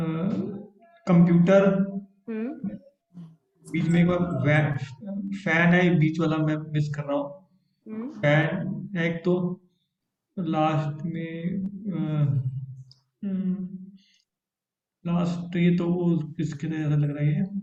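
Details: Stroke survivor with aphasia, Hindi speaker, naming pictures during an online conversation-practice therapy class led by a speech-language pathologist: aphasia after stroke.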